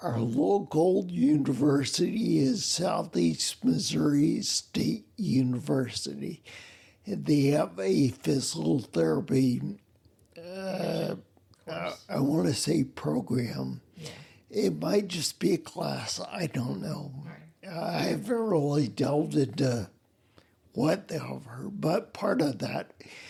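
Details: Adult man with spinocerebellar ataxia, a rare neuromuscular disease with mobility problems and speech impediment; unclear speech makes phone conversations difficult; ataxic dysarthria.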